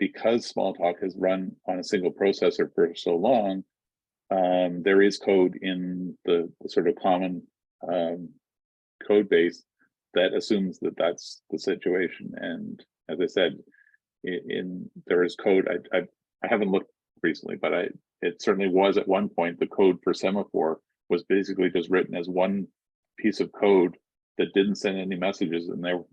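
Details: Adult man speaking; Ordinary speech.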